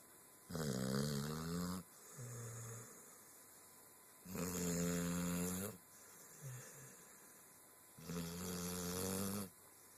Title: Z Snoring II